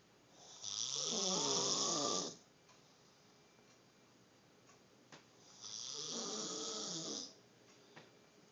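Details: Two long, harsh snoring breaths about four seconds apart, with a hissing, fluttering quality and quiet pauses between; snoring.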